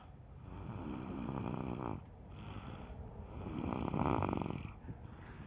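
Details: A sleeping pet gives loud, rhythmic rumbling snores over two long breath cycles in a quiet room.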